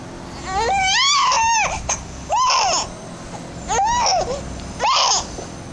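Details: Infant who hates hiccups, crying during a bout of hiccups: four loud, rising-and-falling wailing cries in a small room.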